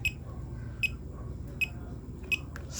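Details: Regular high-pitched beeps from a fingertip pulse oximeter over low room noise, reading about 77–78 beats per minute while being compared against a smartwatch heart rate monitor.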